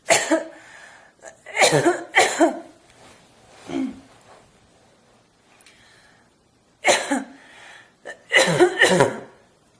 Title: Forced Barking Cough